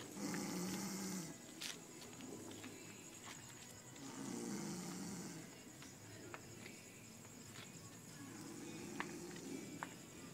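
Low, rattling breathing sounds swell and fade about every four seconds, roughly 15 a minute, over steady background hiss: snoring.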